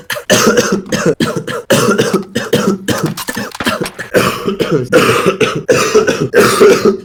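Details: Man who coughed all evening and says coughing makes his eyes feel like bulging gives a run of about a dozen loud, harsh, closely spaced coughs with brief gasps between; persistent coughing fit.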